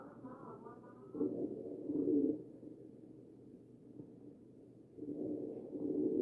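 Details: Wheezing heard over the chest of a patient on a ventilator, recorded from a real patient.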